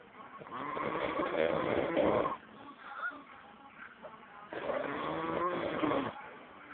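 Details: An adult, presumably male, is asleep and snoring very loudly.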